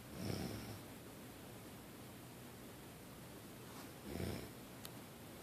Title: Night dad snores